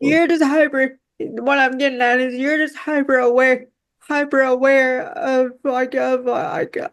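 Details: Woman with quadriplegic cerebral palsy affecting her whole body, including her speech; dysarthria (cerebral palsy).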